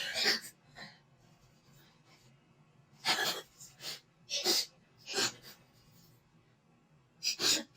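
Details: Several abrupt, explosive sneezes with short breathy inhales between, induced by a COVID-19 nasal swab test, from a compilation of swab-test clips.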